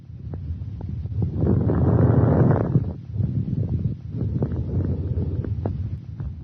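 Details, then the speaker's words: Fine crackles on lung auscultation: discontinuous, high-pitched, short, sharp crackling pops during inspiration. "fine crackles are discontinuous high-pitched short crackling sounds on"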